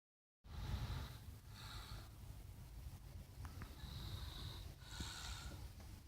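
Heavy, noisy breathing with low rumbling and hissing airflow on each breath, a rough snoring pattern with some room noise.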